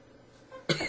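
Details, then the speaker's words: Adult new e-cigarette vaper with a dry cough: quiet room, then one abrupt, harsh cough burst at the end, cut off mid-sound. "Did you hear that cough? That's the first time and probably the only time I'll really cough today."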